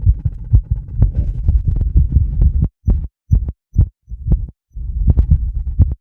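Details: Adult's heart recorded with a microphone on the chest and 10-lead EKG after about 2 minutes of rebreathing a bag to induce mild CO2 intoxication: fast, deep thumps at about 130 beats a minute, briefly dropping out; sinus tachycardia.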